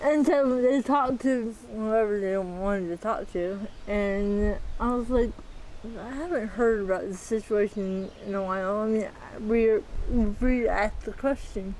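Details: Dysarthria in a 40-year-old woman with athetoid cerebral palsy, full-body involvement with quadriplegia, moderate-to-severe physical involvement, GMFCS level 3/4, who uses a power wheelchair and a walker.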